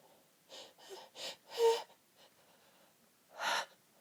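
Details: Held-back sneezes with the nose pinched: several short, breathy, gasping bursts close together, then a louder one as the sneezing fit can no longer be suppressed, in a quiet room.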